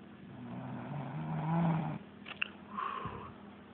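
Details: Ordinary snoring during sleep from a sleeper who denies snoring and is woken for school: a long, low, buzzing inspiratory snore, then a shorter rattling breath.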